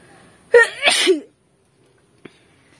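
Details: Young woman in a sneezing and nose blowing challenge: a voiced inhaling catch, then one loud sneeze ending in a brief vocal tail, followed by quiet.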